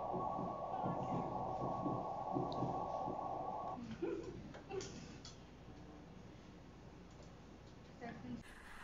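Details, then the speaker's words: Early embryonic heartbeat on ultrasound at about six weeks of pregnancy, following a prior missed miscarriage: rapid, regular whooshing pulses fading after a few seconds. "E aí a gente fica muito tranquilo nesse momento porque a gente consegue ver o embrião consegue ouvir batimentos cardíacos"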